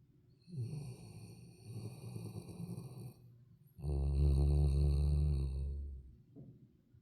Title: When you're scared of the wind, but when you finally manage to sleep.. #labrador #scaredycat #snore